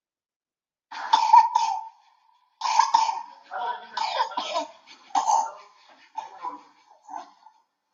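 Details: Young child with bronchial asthma in respiratory emergency coughs in several repeated bouts, later ones quieter and shorter; cough with difficulty breathing, reduced feeding, sleepless night, dullness and irritability: cough in childhood asthma.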